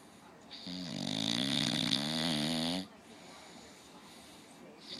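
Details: Lazy English Bulldog lying with one eye open gives one long, rough, buzzing snore of about two seconds, then quieter breathing; snoring.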